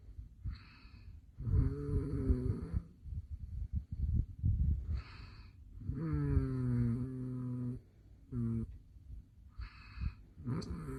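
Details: Adult man's heavy habitual snoring, recorded late at night by his wife: loud, rough snores on each in-breath with rattling throat vibration, several cycles in eleven seconds.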